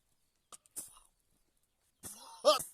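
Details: Acted cough in a fishing comedy skit from an adult man who has just tasted fish groundbait: two brief, sharp, throaty coughing bursts.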